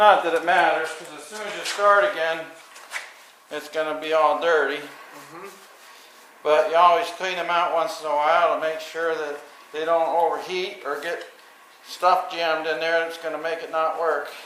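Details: Adult speaker; ordinary speech.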